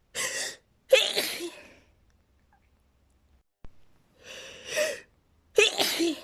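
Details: Two sneezes from a woman, each preceded by a sharp, breathy intake of air and released as a sudden high-pitched burst.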